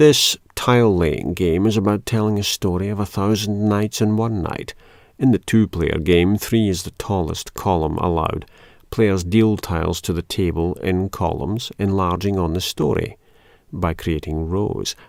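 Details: Adult male speaker; no disorder.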